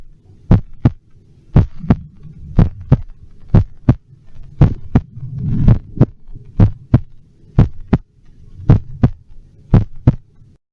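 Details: Normal heart sounds amplified with an electronic stethoscope: steady paired lub-dub at about 57 beats per minute, with a low hum behind.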